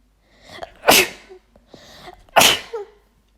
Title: Juicy chhinkni sneezing attack (F)